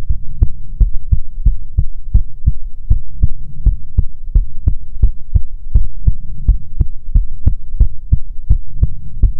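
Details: ASMR heartbeat recording: steady, evenly spaced low heartbeat thumps with a faint hum underneath; heartbeat.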